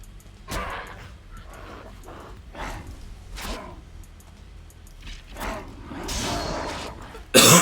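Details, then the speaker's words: Person coughing while live-streaming a video game: a run of about eight short, harsh coughs and throat-clearing bursts, ending in a louder, noisy burst. "Sorry for the ear coughs. Alas, it was necessary."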